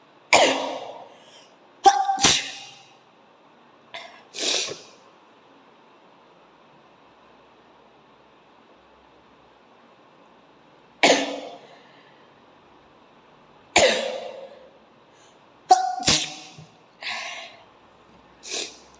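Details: Exaggerated comedic sneezing-challenge clip, sneezes induced with coconut coir fibre and grass: about nine sharp, explosive bursts in clusters with quiet gaps; repeated sneezing.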